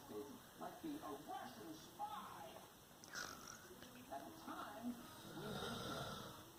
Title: I FILMED MY DAD SNORING FOR $1000,000 AND A HOT DATE WITH OUR NEXT DOOR NEIGHBOR WITH MY DAD (CRAZY